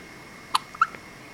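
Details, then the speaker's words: Two short, sharp squeaky catches a fraction of a second apart from a baby girl who is getting tired and has also sneezed; infant hiccups. "sir but you got the hiccups bless you sneezing and the hiccups man you got it all"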